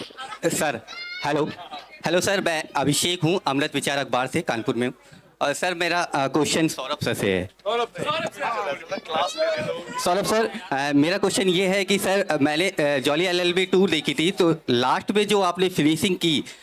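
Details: Adult man speaking Hindi into a microphone; normal speech.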